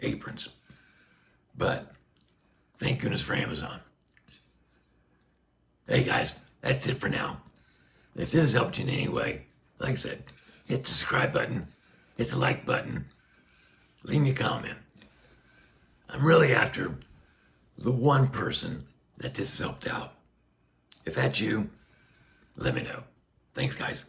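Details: Adult man with a tracheostomy placed less than a year earlier after neck cancer surgery, speaking through a Passy Muir one-way speaking valve; reports restrictive, squeezing vocal cords and constant pressure; tracheostomy speaking valve speech.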